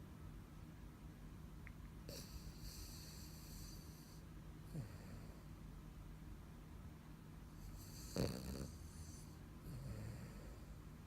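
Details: Sleeping and dreaming, snoring: steady low, rough breathing noise with a few irregular snorts and snuffles.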